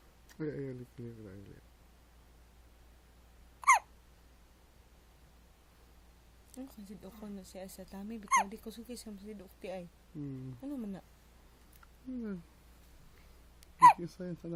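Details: Infant with hiccups: three short, sharp hiccups about five seconds apart, mixed with cooing and soft vocal sounds; baby hiccups.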